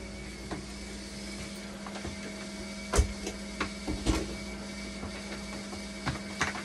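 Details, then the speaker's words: Dialysis machine repaired after a no-power fault by replacing a fuse, now rinsing after an interrupted chemical rinse: steady hum with low tone and irregular clicks and knocks from valves and pumps; dialysis machine rinse cycle. "Mga kamakina, inirinse ko siya kasi nung nawala ng power to siguro nagke-chemical, so nakamandote rin siya, so irinse ko muna tapos papatakbuhin ko na dialysis mamaya"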